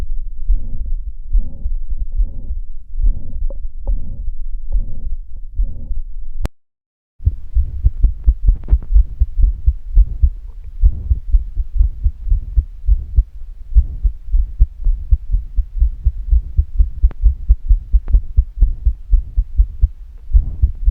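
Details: Heart sounds recorded with a Stethophone digital device: rhythmic heartbeats with a rushing systolic murmur filling the space between beats, a marker of various cardiac pathologies.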